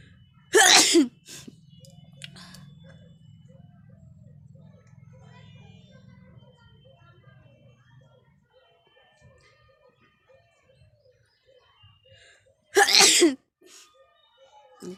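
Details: Sneezes induced by tickling the nose with a grass flower stem in a sneezing challenge: two loud, sharp sneezes about twelve seconds apart, with quiet room noise between.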